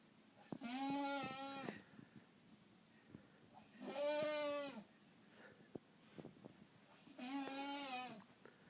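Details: Snoring while asleep during an illness: three loud, musical, honking snores about every three seconds, roughly 18 a minute, each with a goose-like tone, quiet room between them.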